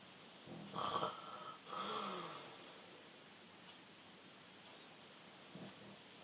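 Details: Younger brother snoring loudly: a coarse rattling snore with a snort, followed by quieter noisy breathing.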